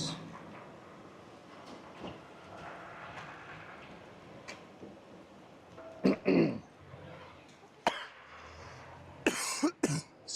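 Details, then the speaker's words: Adult gives several sharp, throaty coughs and a throat clear outdoors during a live game-reserve safari, after apparently swallowing a bug. "me sorry folks I'm sure you can hear the whole cough as especially with these new mics I think I swallowed a bug it's not tasty I promise"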